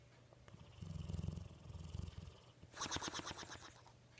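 A low fluttering snore, then a higher rattling snort on the next breath. Snoring in a sleeping dog.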